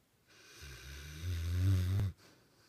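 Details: Sleeping dog snoring: one long, low, rumbling snore on an in-breath ending in a short snort.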